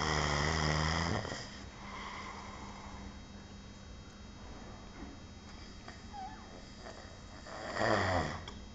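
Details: Person asleep while on duty, loud snoring: rough rattling inhalations in a quiet room with long gaps between.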